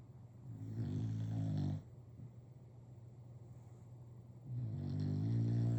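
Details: Loud, low, rattling snores on the in-breath, about two in six seconds, from a sleeping bulldog.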